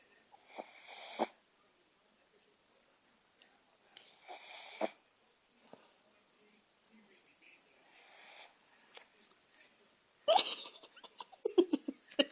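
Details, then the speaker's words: Dog named Cosita snoring while asleep: soft nasal snoring breaths a few seconds apart, with faint wheezy sniffs and a louder snort near the end. "funny. That was my dog snoring."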